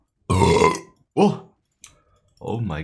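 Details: Adult man burping on a livestream: two loud, deep, drawn-out belches followed by a brief voiced sound; ordinary eructation.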